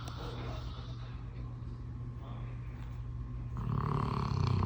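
Continuous low, rumbling snore from a sleeping dog, growing louder toward the end.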